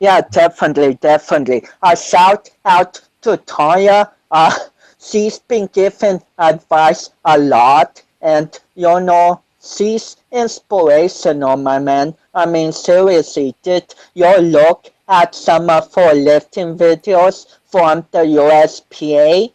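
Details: 25-year-old man with cerebral palsy since birth, which he says affects his balance, coordination and speech; doctors said he would never walk, and he is now a powerlifter; dysarthria associated with cerebral palsy.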